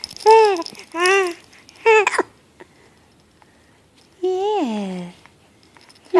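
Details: Infant with hiccups, seemingly scared by them: short, high-pitched cries and whimpers in a quiet room, separated by pauses; infant crying.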